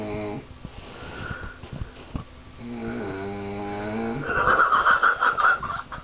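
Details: Adult asleep on a couch after a night of drinking: loud, irregular snoring with rattling, fluttering breaths and some whistling tones; snoring.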